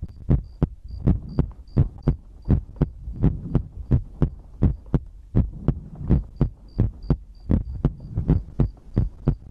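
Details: ASMR recording of a person's own heartbeat made for sleep: steady, deep paired thumps at about 80 beats a minute over a low hum; regular heartbeat.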